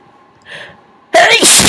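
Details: Brief breathy intake then a loud, wet, explosive sneeze, self-induced by tickling the nose with rolled paper towel, from a person reporting no real allergies; sneeze.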